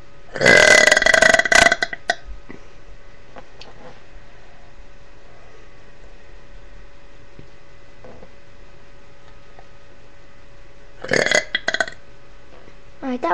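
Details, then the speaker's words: Girl doing deliberate burps on camera: long, loud, voiced burps, a big one at the start and shorter ones near the end, in a quiet room. "Hey guys, it's here and I'm going to be doing some more um burps for you. So, enjoy them."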